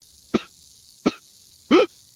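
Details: Simulated cartoon sneezing from a Motu Patlu comedy cartoon: three short, explosive sneeze bursts, the last one longer and louder; sneeze.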